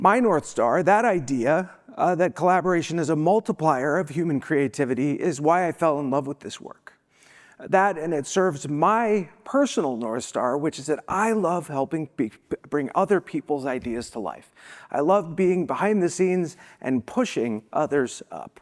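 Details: Adult woman who says she has a vocal disability, spasmodic dysphonia, and is not sick: spasmodic dysphonia.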